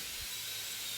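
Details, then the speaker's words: Dental drill removing a cracked old composite filling from a molar, with decay found beneath it: a brief high-pitched hissing whine as part of the filling comes loose; dental drill. "in this video you can see a part of the filling come loose during preparation which is then removed"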